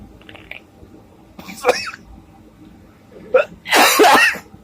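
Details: An adult trying a vape gives a few harsh, explosive coughing bursts after inhaling, over quiet room noise. A cough.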